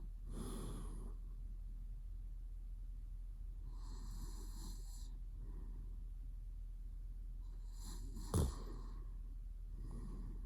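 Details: Sleeping boyfriend in REM sleep with mouth twitching, later waking himself up: soft, airy snoring breaths every three to four seconds with a brief sharp snort; ordinary sleep snoring.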